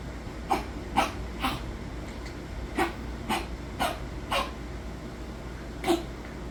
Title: 09.11.23 coughing. Fluid in lungs